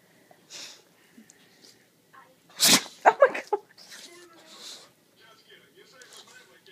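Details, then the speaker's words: Female dog in a sneezing fit after trying to hide a bone under covers: a quick burst of three or four short, snorting sneezes, with soft room sounds. "Oh my gosh! Bless your heart! She's in a sneezing fit!"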